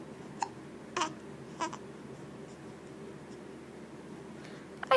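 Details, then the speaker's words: Baby boy with hiccups, seemingly annoyed by them: brief, sharp catching sounds at irregular intervals over quiet room noise, typical infant hiccups. "somebody has the hiccups and they're getting ticked off do you have the hiccups are they making you"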